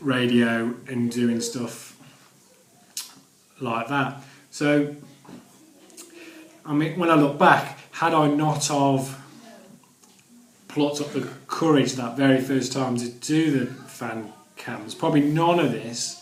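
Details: Adult who stammers; stuttering.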